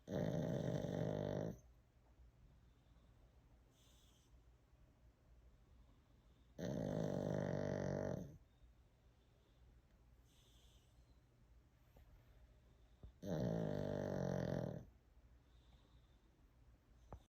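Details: Bentley, a sleeping dog: three loud, regular rumbling snores about every six seconds, around nine a minute, with soft breaths between; steady snoring.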